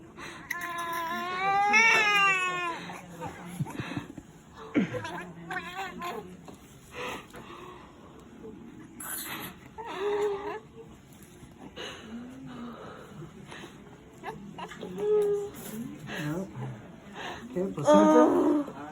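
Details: Thin, high-pitched wailing cries of a newborn boy, 8 lb 8 oz, born at 11:31 after about 30 minutes of pushing in an unplanned delivery, with adult voices and room noise; newborn cry at birth.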